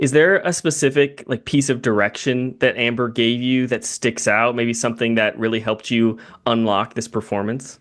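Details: Adult male speaker; typical speech.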